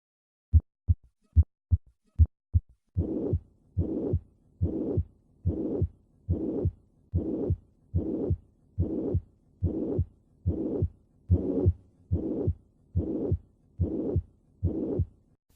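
Brief crisp heart sounds, then a steady blowing murmur filling each systole up to the second sound at about 72 beats a minute: mitral regurgitation.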